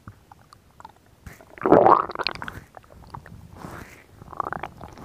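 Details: A gurgling, rumbling burst of abdominal sound from a woman, with quieter bubbling around it; ordinary stomach growling (borborygmi), harmless gut activity.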